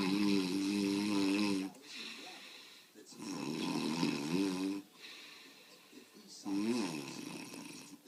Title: My dad snoring (with commentary)